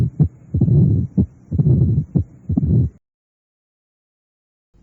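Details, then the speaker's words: Recorded (Merck) mitral stenosis: slow regular beat with low rumbling murmur filling diastole; mid-diastolic rumble of mitral stenosis. "este soplo se oye mejor a nivel de la punta en la posición de decúbito lateral izquierdo con el receptor de campana aplicado suavemente a la pared torácica"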